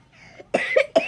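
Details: Boy whose laughing sets off coughing, and whose coughing leads to vomiting: three quick, harsh coughs in a row, a coughing fit triggered by laughter.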